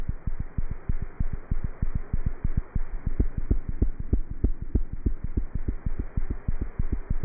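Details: Cat heart sounds recorded through a stethoscope.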